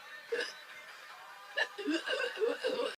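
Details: Hiccups: two abrupt, sharp catches of breath about a second apart, followed by brief voiced sounds.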